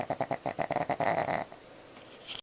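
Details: Pug snoring, recorded with a Flip Video camcorder: rapid, rough snorting pulses in a quick burst, then quiet; noisy upper-airway snoring.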